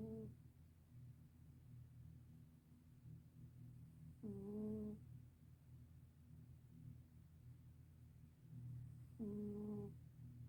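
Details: Sleeping senior black cat snoring: soft, low, buzzing snores, about three in ten seconds, over steady low room hum.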